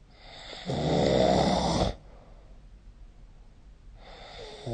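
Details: Snoring during sleep recorded with the SnoreLab smartphone app: a loud, buzzing snore on the in-breath, then a quiet pause before the next snore starts.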